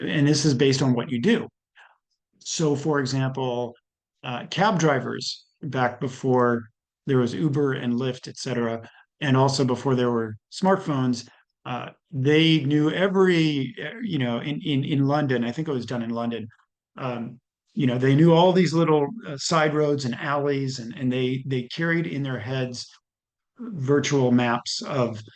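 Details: Adult male lecturer; ordinary speech.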